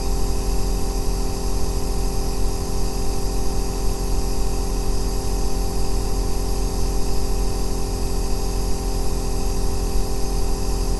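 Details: Aerosol nebulizer compressor running continuously for a 2-hour sleep and relaxation recording: steady, loud, deep bass humming drone with a hissing edge, unchanging throughout.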